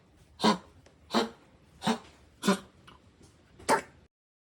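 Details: Dog giving five harsh, dry honking coughs in quick succession, typical of kennel cough.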